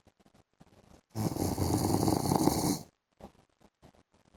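One long, loud, rumbling snore on breathing in, with faint clicking sounds before and after. This is ordinary snoring.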